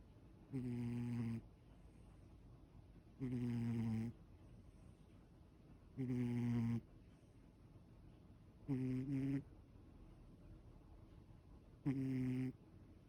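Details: Ragdoll cat snoring while relaxed: regular buzzing snores, about five in thirteen seconds (roughly 22 a minute), with quiet pauses between.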